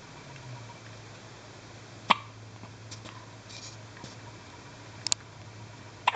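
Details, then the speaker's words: Brief sharp hiccups at irregular intervals from a one-day-old newborn girl, over a steady hum; newborn hiccups. "Oh, you got the hiccups. You're so cute."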